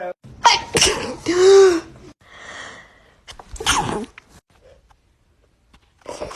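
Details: Sneeze.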